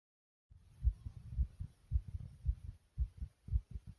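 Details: Brief recording of the uploader's own fast heartbeat: strong, regular, low pounding thumps at about 110 beats a minute.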